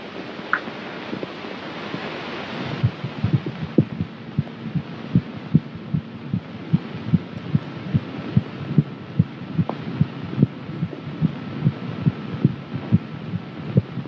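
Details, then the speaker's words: Fetal heartbeat heard by stethoscope during a prenatal abdominal examination in a 1938 film, baby's position judged normal: rapid, faint thumps at roughly 146 a minute under steady hiss and hum. "Now I'm going to listen to your baby's heartbeat."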